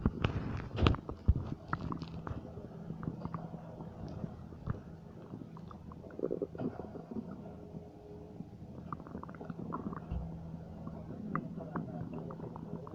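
Quiet, irregular gurgles and rumbles over a low steady hum: ordinary stomach noises.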